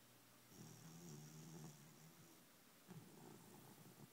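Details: Dog snoring: low rumbling snore on a breath, fading and then starting again, with faint room hiss behind it.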